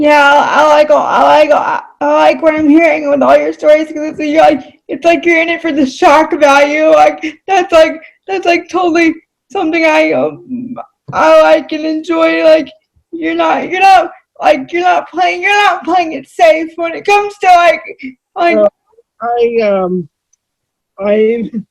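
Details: Adult female with cerebral palsy; she reports voice-recognition software fails to understand her about half the time; dysarthria due to cerebral palsy.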